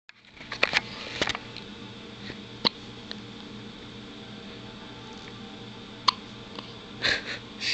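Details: Baby girl's hiccups; several brief, sharp hiccup clicks at irregular intervals with small breathy sounds against faint room noise: hiccups.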